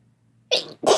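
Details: Single ordinary sneeze from a male or female: brief in-breath followed by an explosive burst.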